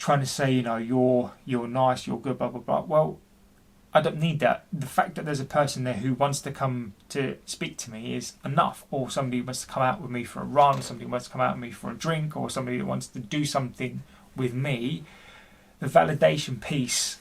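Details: Adult man, about 40, who stammers and has been experiencing depression; stuttering.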